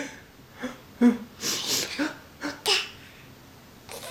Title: 7 months later and still funny to hear sneezing